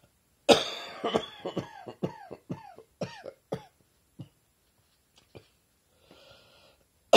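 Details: Coughing from a summer cold: a rapid run of about a dozen short, harsh coughs, some voiced, fading into a few isolated ones, a repetitive coughing fit.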